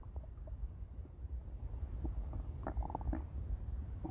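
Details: Loud stomach growling from a female: low, continuous gurgling and rumbling with bubbling pops from active bowels. Bowel sounds.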